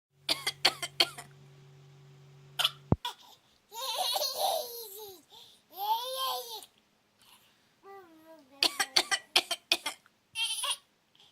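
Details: Imitated cough: an adult deliberately fake-coughs in bursts, and a young daughter laughs and babbles in response between them.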